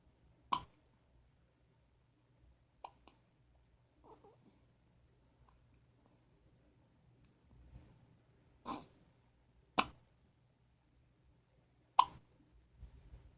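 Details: A baby's first hiccups at 4am: brief, sharp gulping catches at irregular intervals, about six in thirteen seconds, against a quiet room hum.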